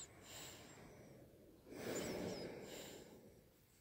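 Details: A rough, snorting breath sound rising and fading over a few seconds in a quiet room; a loud snore.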